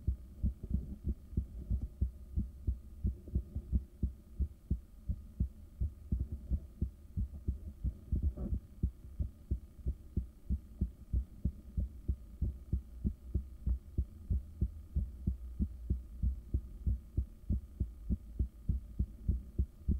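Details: Adult resting heartbeat recorded by ultrasound Doppler in the morning soon after waking, after caffeine and morning medications: steady, strong pulsing thumps at a not-too-high resting rate.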